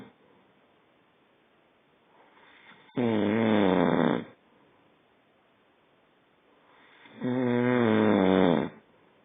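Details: Two long, loud, rattling snores on the in-breath with quiet pauses between, about 14 breaths a minute; ordinary adult snoring during sleep.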